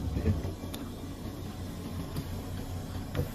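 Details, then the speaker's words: ORV-10S medical oxygen concentrator with mechanical flow meter (1–10 L/min) and humidifier filled, running just after switch-on: steady low mechanical hum with faint rhythmic pulsing, normal operating sound. "Next, you can just turn on the machine and the unit will start operating."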